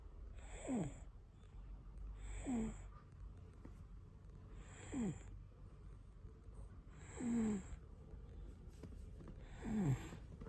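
Soft rhythmic snoring with each breath, five snores in about ten seconds, roughly 25 breaths a minute, from a sleeping infant.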